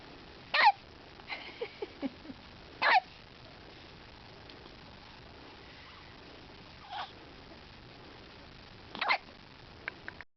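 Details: Hiccups: several short, sharp catching sounds at irregular intervals in a quiet room, about five over ten seconds.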